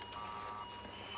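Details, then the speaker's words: Simulated scene from the TV drama Shortland Street: during skin graft surgery, a patient monitor gives a high steady alarm tone as the patient's heart rate rises, with pain and inadequate analgesia suspected; patient monitor alarm. "the heart rate has increased he's in pain did you give him enough analgesic"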